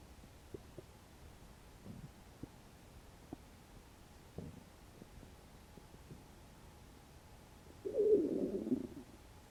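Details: Hungry after about 12 hours without eating: soft scattered gurgles and clicks, then a longer low rumble; stomach growling (borborygmi).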